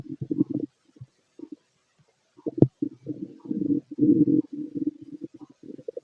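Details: Bowel sounds of a fit male heard through a stethoscope during digestion of pastry, chicken, curry, bread, milk, eggs and pasta: low gurgling and rumbling in irregular bursts, ordinary active bowel sounds.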